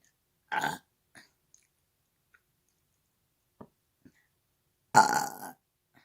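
Two loud, rumbling belches a few seconds apart, with small faint sounds between them. Burping.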